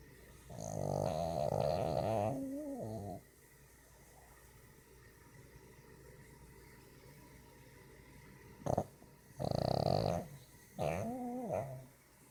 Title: Dinkel Pug Sleep Snoring